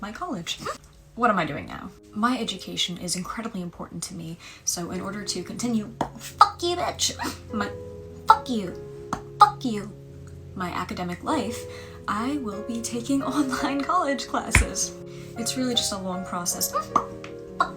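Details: Involuntary vocal tics with coprolalia, plus echolalia, in a young woman with Tourette syndrome, onset around age 13–14; tics include obscene phrases.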